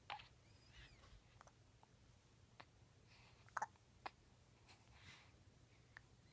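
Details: 10-day-old newborn with hiccups at 5:30 AM: several short, sharp, quiet catches in a hushed room, spaced irregularly about a second apart; infant hiccups.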